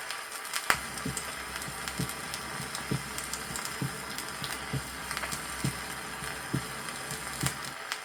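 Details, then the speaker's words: 1963 Soviet teaching record of normal heart sounds: regular two tones at about 67 beats per minute over the aortic area; first tone longer and lower than second, under record hiss and crackle. "при аускультации сердца в норме выслушивается два тона акустически первый Тон продолжительнее и ниже второго"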